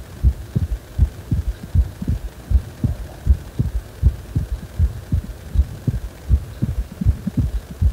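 Steady low thumping heartbeat at about 79 beats a minute, heard against a faint hum.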